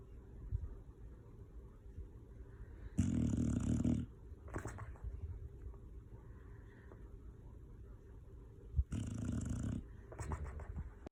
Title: Red Nose Pit Bull Snoring (Hilarious)